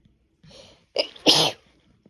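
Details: Female with a cold: a brief indrawn breath and catch, then one sharp explosive sneeze: a single sneeze.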